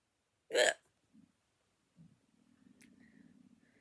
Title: No more hic hic hiccups To be safe a straw is a good way to go